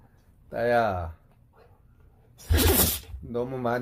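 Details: A male Jindo-mix dog kept on a ship gives a single sharp, explosive sneeze between bursts of a startled person's voice; the person says he ate too much: sneezing.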